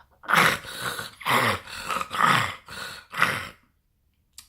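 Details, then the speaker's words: Human imitation of inspiratory stridor from laryngeal collapse (collapsing laryngeal cartilages) in brachycephalic dogs and cats: harsh, higher-pitched noisy in-breaths in repeated gasping bursts. "which causes that the larynx to essentially on the in-breath collapsing and that kind of sounds more like a so slightly higher pitch noise"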